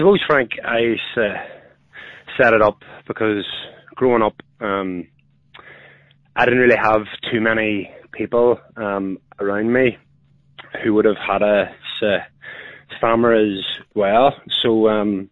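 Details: Adult man with a stammer who uses voluntary stammering, choosing which words to stammer on to control flow; stuttering.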